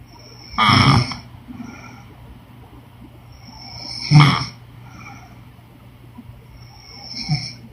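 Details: Woman snoring during sleep: short, snorting snores spaced several seconds apart over a quiet hiss.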